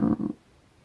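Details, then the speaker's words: Stomach rumbling at about 10 a.m., before the midday meal, which keeps growling: two quick, low gurgling rumbles under half a second in total, then a quiet room; normal bowel sounds (borborygmi). "Il est genre 10 h du matin, donc on n'est pas encore au repas de midi, quoi. Et j'ai le ventre qui n'arrête pas de gronder."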